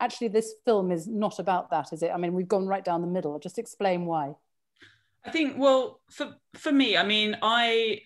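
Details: Adult speakers in conversation; fluent speech.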